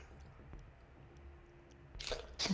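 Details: Quiet room noise, then two sudden hissy bursts of air near the end, the second sharp and forceful: a sneeze, during a gaming session.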